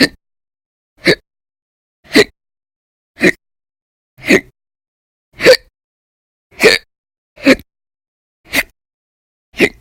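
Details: Persistent violent, very loud hiccups lasting over 10 hours a day for weeks in December 2019: ten brief, abrupt hiccups about a second apart, roughly 56 a minute, in a quiet recording.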